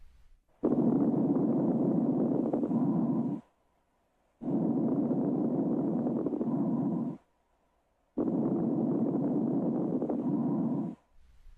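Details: Three slow breaths at about 17 a minute, heard through a stethoscope during a real-patient thorax and lung examination, with soft, brief, high-pitched crackling throughout each breath: fine crackles.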